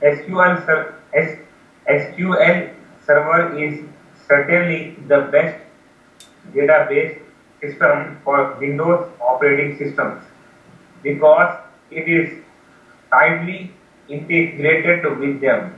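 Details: Young man from India who began stuttering at age 7 after copying a stutterer; severe stuttering with many blocks ("breathing stupor") after 20 years of speech therapy; reading sample, apparently before 3-day training; stuttering.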